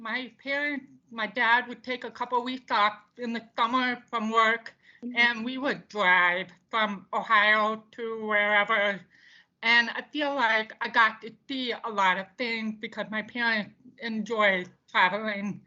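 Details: Deaf speech of a woman deaf since birth, diagnosed at 18 months, who wore bilateral hearing aids until college and now uses cochlear implants.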